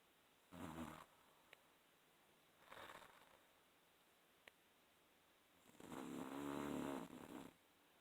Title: Guess who snoring - rb